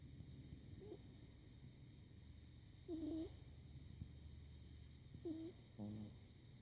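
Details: Faint, soft snores with short whistling squeaks on some breaths, from a pug puppy sleeping after a trip to the park, over steady room hum; snoring.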